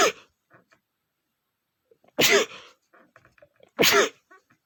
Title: male sneezing #33 (I smelled the flowers, at first I tried to hold back)